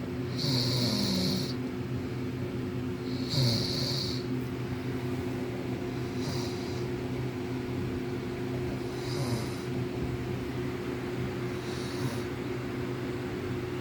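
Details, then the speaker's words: Man snoring into the listener's ear, who on waking denies being asleep: loud, rough snores about every three seconds, roughly 20 a minute, over a steady background hum. "I was snoring. That's all you gotta say?"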